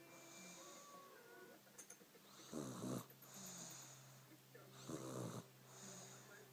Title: Snoring